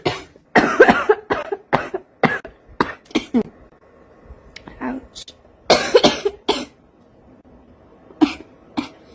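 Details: Clusters of harsh coughing with brief pauses from a female smoker who says she craves a cigarette: prolonged repeated coughing (smoker's cough).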